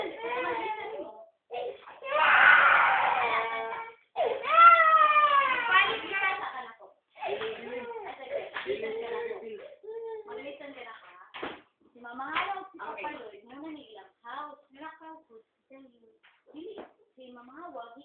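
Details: A young boy cries in loud wailing bursts broken by sobbing breaths and whimpers in a small room, upset because he wanted to stay at a relative's house; ordinary upset crying.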